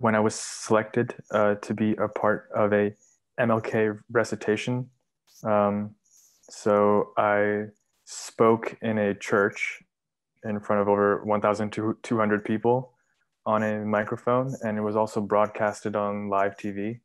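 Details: 23-year-old man, bilingual English and Urdu, with stuttering since about age three, now describing himself as having overcome it; stuttering.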